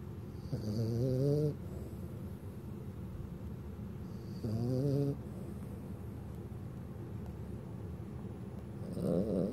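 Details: Snoring during an afternoon nap on a sofa.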